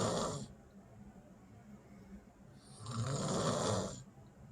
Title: Comedian B.I.G put her to sleep Snoring at night#snoring